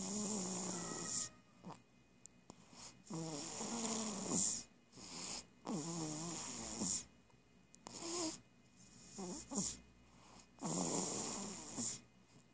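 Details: Repeated wheezy, whistling breaths about every two seconds with a steady hiss behind them; snoring with squeaky nasal breathing.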